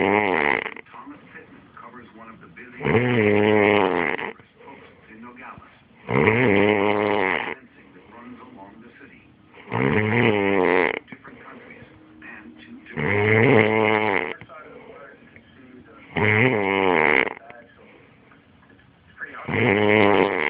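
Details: Adult snoring: loud, regular, droning snores about every 3 seconds (~18 breaths a minute) with quieter breathing between; habitual heavy snoring.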